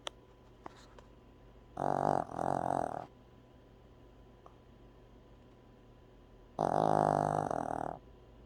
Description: Dog snoring...